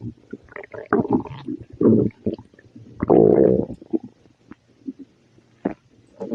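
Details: Loud gurgling, rumbling bowel sounds in bursts with quiet gaps between them, from an upset stomach after eating spicy food, with frequent burping as well.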